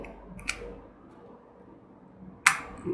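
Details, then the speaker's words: Two sharp mechanical clicks from a spring-loaded finger-prick lancet firing before taking a left-hand fingertip blood sample for glucometer testing, over quiet room noise; lancing device click. "दो बार आप इसे click कर सकते हैं कोई दिक्कत नहीं एक ही बार में अगर आप दो-तीन पर क्लिक करते हैं तो कोई प्रॉब्लम नहीं है"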